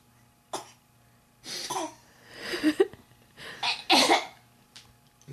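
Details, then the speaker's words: Young girl gives about five short, breathy cough-like bursts, a playful fake cough imitating her grandmother's coughing, not illness. "is her fake cough. She's coughing the copy grandma."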